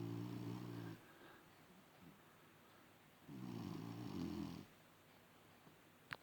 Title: Maggie having a 30 second snoring session